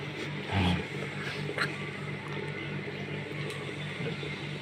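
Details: Low-cost steam vaporizer running, used for inhaling vapour for cough and cold and for facial treatment: steady low electrical hum with hiss and faint bubbling; steam vaporizer running.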